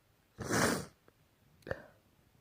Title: sneezing while working on the end of the semester test